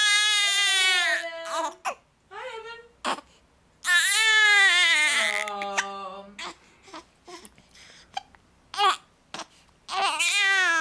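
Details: Infant with hiccups crying: loud, tonal crying in long wails broken by short catches and gasps between them, with music in background.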